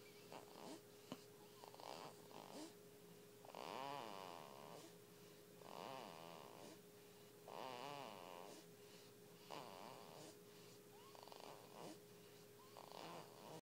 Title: Snoring